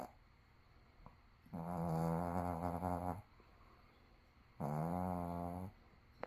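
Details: Dog asleep at 9 AM, awake only long enough to eat and go outside: two long, deep, vibrating snores on breathing in, about three seconds apart, ordinary dog snoring.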